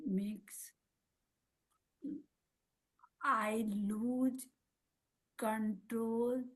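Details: Woman, a mother, with aphasia and apraxia of speech after a stroke at age 45; speaks Marathi, Hindi and English, with words sometimes coming out mixed; aphasia with apraxia of speech.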